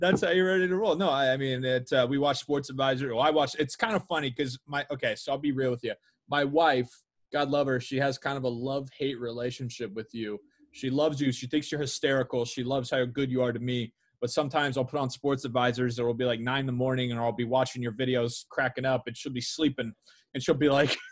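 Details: Adult man speaking; Normal conversational speech.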